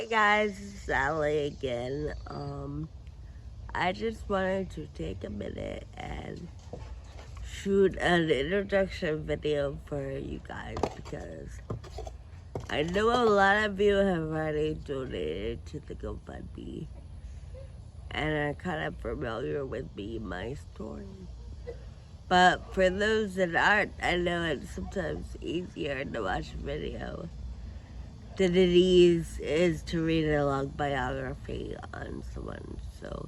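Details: Adult woman with Friedreich ataxia who uses a wheelchair and has scoliosis with spinal rods; her speech may need captions to follow; ataxic dysarthria.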